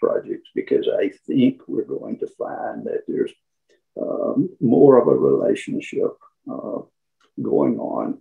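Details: Spasmodic dysphonia in an adult man who counts himself among people with SD.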